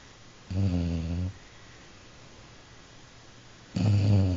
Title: Jack Snoring